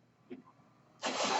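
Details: Mechanical ventilator of a man born in the mid-1980s, heard while he speaks on a podcast: after a quiet moment with a faint voice, a loud steady whooshing hiss of air starts abruptly as a breath cycles.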